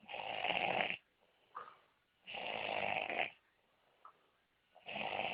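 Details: Person who says they are very ill: loud, harsh, rasping snores on each breath in, with quieter breaths out between, about two snores every five seconds.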